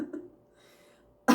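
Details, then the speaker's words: A single sudden, harsh hacking cough after a moment of quiet, from an adult with a cold and a sinus infection whose voice is also affected. "you're gonna get more cuts than usual even for me because i have a hacking cough and my voice is a little bit wrecked"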